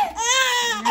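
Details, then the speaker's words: Loud, sustained, clear wailing cry of a large newborn boy just after a VBAC delivery; a strong, normal newborn cry. "hi i'm sorry i know you're mad we're not making fun of you we're just impressed"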